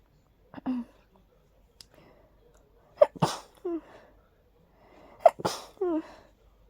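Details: Three sneezes in a short run, each a quick intake then an explosive burst; a mild, tickly hayfever sneezing fit.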